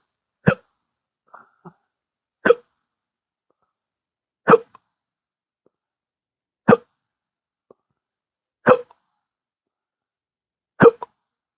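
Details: Intractable hiccups since December 2015 after surgery with multiple nerve damage (pudendal nerve injection), unresponsive to treatments: sharp, abrupt hiccups about every two seconds, six in roughly eleven seconds.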